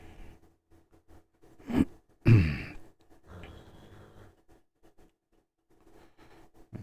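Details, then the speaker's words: Sleeping bulldog behind the speaker snores very loudly, with rough noisy breaths between quieter stretches of soft breathing; snoring. "yes you can hear my dog snoring behind me he loves to sleep it's his favorite hobby"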